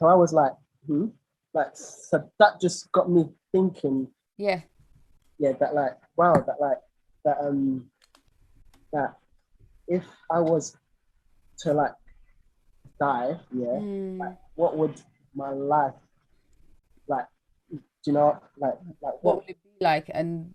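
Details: Stuttering (stammering) in an adult male singer with a lifelong stammer; his own conversational speech.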